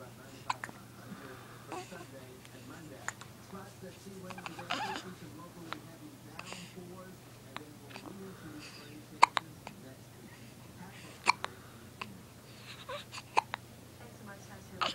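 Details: Hiccups: repeated short, sharp catches at irregular spacing, roughly 29 per minute, over soft voices and room hum.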